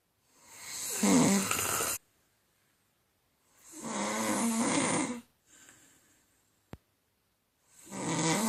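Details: An adult woman snoring in sleep: rough, rasping snores on each breath, about every three to four seconds, with silent pauses between.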